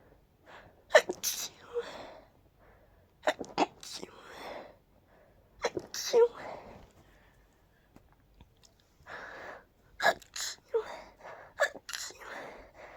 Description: I was really trying to finish each sneeze I had with "choo!" It was quite challenging but fun 😋